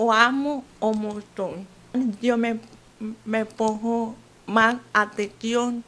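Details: 28-year-old woman with hearing loss since birth, some speaking difficulty, uses a hearing aid; deaf speech (congenital hearing loss).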